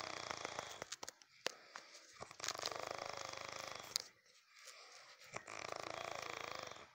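Rattling, buzzing snores on the breath, with scattered clicks and a quiet pause between breaths.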